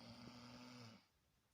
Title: My brother snoring like a pig